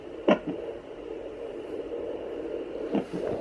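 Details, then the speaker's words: Fetal Doppler at 29 weeks 3 days of pregnancy: steady Doppler hiss broken by two sharp, brief thumps about 2.7 seconds apart, picked up away from the heartbeat spot: fetal hiccups. "That is so cool. I didn't know you could catch hiccups on a Doppler."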